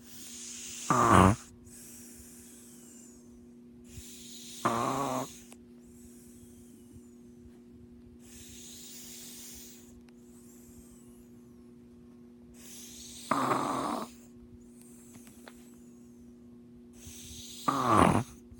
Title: Caught my brother snoring like a duck.